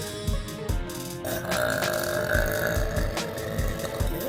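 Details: A girl's long, rumbling, drawn-out belch over background music, recorded unedited: burping.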